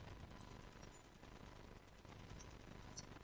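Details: Radial shockwave (AdipoWave) fat-treatment demonstration on skin, slow pinching strokes avoiding bone: rapid, steady train of sharp pops from the handpiece firing impacts.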